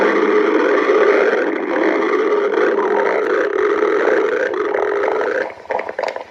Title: Girlfriend stomach growling